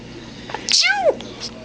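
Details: Dog sneezes a single sharp, hissing sneeze followed by a brief falling whine in a quiet room; owner asks whether she is sick.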